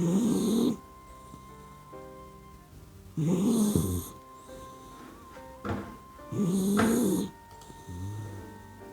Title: GOODNIGHT BABY❤ OUR PUPPY DOG SLEEPING and SNORING LIKE HUMAN?🐕 I LOVE YOU🥰